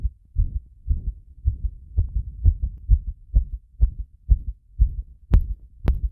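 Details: Heart sounds recorded with pressure applied after bathing: regular paired low thumps at about 60 beats a minute, with two sharp handling clicks near the end.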